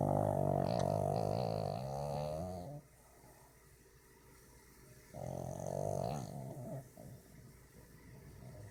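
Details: A pug, a flat-faced dog, snoring while asleep: two loud, buzzing, rattly snores with quieter breathing between them.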